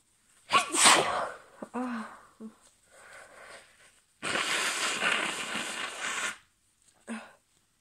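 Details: Adult female, allergy sneezes about 5 minutes after an earlier sneezing fit: forceful sneezes with a sharp intake before them, then a long hissing nasal burst and a small final sneeze; allergic sneezing.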